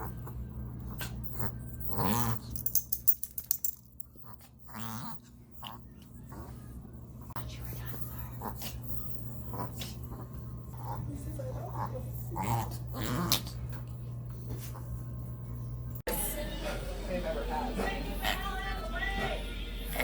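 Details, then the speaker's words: Reverse sneezing in a dog: bursts of harsh, snorting pulls of air through the nose. "so today we're going to show you two examples of reverse sneezing enjoy"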